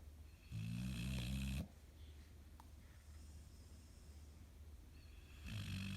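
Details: Low, rattling snores on the breath in, with quiet gaps between them; ordinary snoring.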